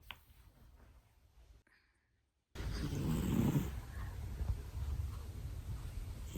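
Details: Close, low rumbling breaths from a sleeping male cat being handled, a gentle snore heard under handling noise.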